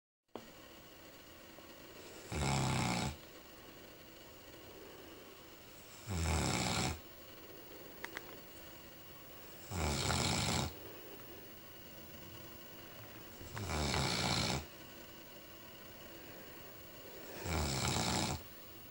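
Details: Newfoundland dog snoring while asleep on a sofa: loud, deep, regular snores, about 16 a minute, with quiet pauses between them.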